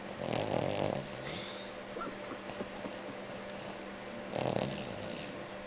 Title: Man, does snore!!!!